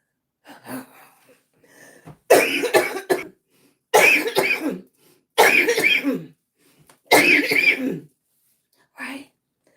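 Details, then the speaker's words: An adult whose lungs are affected by an antibody (Jo-1) coughs in four strong bursts with softer throat clearing; repetitive cough with throat clearing during a coughing spree. "one antibbody affecting my lungs. So that's why you hear me cough a lot."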